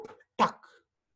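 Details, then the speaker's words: Spoken imitation ("roob tuck") of mitral stenosis at the mitral area: low-pitched rumbling mid-diastolic murmur with presystolic accentuation from atrial contraction (absent in AF), ending in a loud first heart sound. "Roob tuck. Okay? That's exactly how you hear it. Roob is the rumbling low-pitched mid-diastolic murmur."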